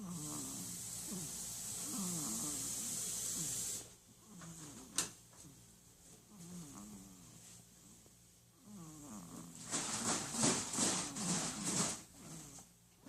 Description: She was sleeping on Saturday night, snoring in her car seat, she is so adorable and I heard milk jugs be cleaned out from the kitchen.